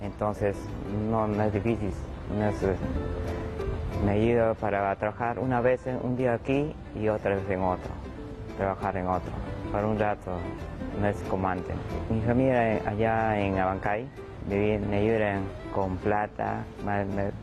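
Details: 41-year-old man, stroke in 2016, left with conduction aphasia: cannot repeat words or sentences, speech partly fluent with paraphasias: conduction aphasia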